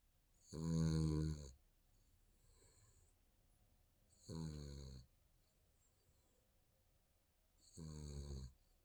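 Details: Baby snoring during sleep: three soft, low, rattling snores, one with each breath, with quiet pauses between them.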